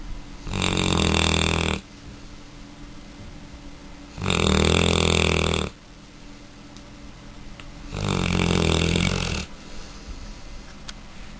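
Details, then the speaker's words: Mastiff puppy snoring heavily, with its eyes open: three loud, rumbling snores about every four seconds, roughly 16 breaths a minute, with quiet breathing between. "How do you make so much sound? Oh my gosh! Shh! Nico! Snoring bastard! Nico, wake up! You snore with your eyes open."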